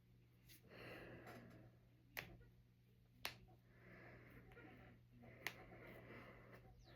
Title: Cracking my fingers and knuckles. #jointcracking #knucklecracking #cracking #crackingasmr